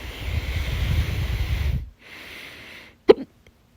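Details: After a rushing breath noise comes a single sharp, loud hiccup gulp. The uploader self-recorded this session of loud hiccups, their second, on 25 July 2022.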